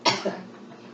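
A single sharp cough with a brief second burst after swallowing a solid bite, a sign the bite was harder to swallow.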